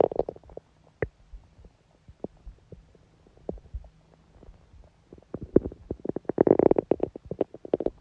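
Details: Loud gurgling bowel sounds (borborygmi) recorded from a woman's abdomen during menstruation, with only a dull ache felt.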